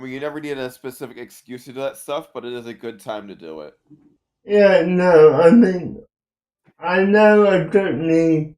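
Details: Adult speaker; typical speech.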